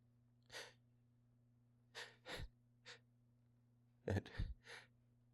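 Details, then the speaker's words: Man with a tickly nose, talking between hitchy sneezes: several quick, breathy catching in-breaths and stifled bursts over a steady background hum, gasps building toward sneezes. "yeah it really tickles today it really sneeze I'm going really tickles but they're getting good"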